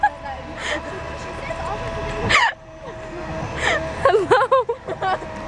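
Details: Person with hiccups, recorded outdoors: three sharp, voiced, gasp-like catches about 1.5 seconds apart, then brief speech, traffic noise behind; hiccups.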